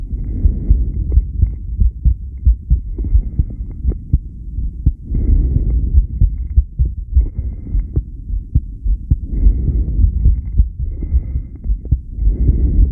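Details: Low, steady heart thumps over a constant hum, recorded during a long breath-hold (10 lead, subject B1); heart sounds during breath-hold.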